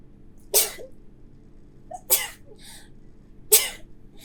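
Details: Sneezing recorded from a consenting model: sneezing.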